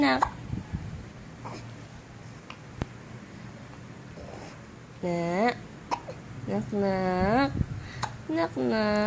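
Short, sharp hiccup catches recurring between voiced sounds and talk in a small room: hiccups.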